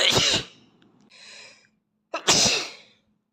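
Two sharp, explosive sneezes separated by a short quiet gap with a faint intake of breath.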